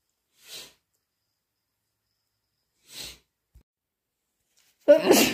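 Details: Induced sneezing linked to cat allergy: two soft, breathy sneezes a few seconds apart, then a louder burst at the end.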